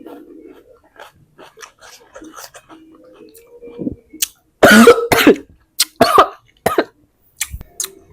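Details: Cough while eating spicy, sour rujak kedondong during a mukbang; cough.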